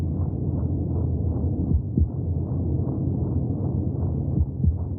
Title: 30 minutes of heartbeat sounds from the womb for welcoming extraterrestrial life